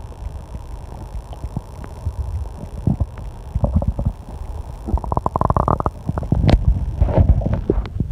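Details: Stomach growling during online testing: low rumbling with a rising gurgling growl over air-conditioner hum and loud clock ticking; loud ordinary borborygmi.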